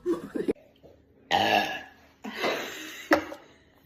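Two loud, drawn-out voiced belches with brief throat sounds between them in a quiet room: burping.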